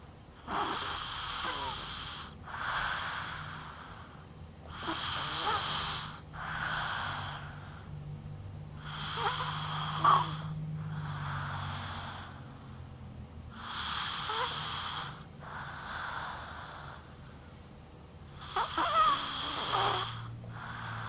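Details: Patient lying on his side, snoring a great deal lately despite side positioning that usually stopped it: harsh, snorting breaths in paired bursts about every four to five seconds, around 13 a minute; loud snoring.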